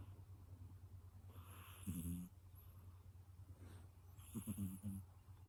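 Soft rattling snores on breaths a few seconds apart over a steady low room hum; snoring in a sleeping cat.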